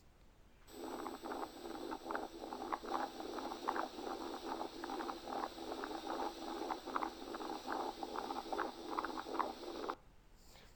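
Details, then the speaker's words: Teaching example of patent ductus arteriosus: a continuous machine-like machinery murmur runs through systole and diastole, so S1 and S2 in the middle are hard to distinguish. "سامع الميرمر على طول، انا سامع وش، انا سامع كأن في مكنه شغاله. هي بالظبط عشان كده سميناه في الكاركتر بتاعته اللي هو الماشينري ميرمر."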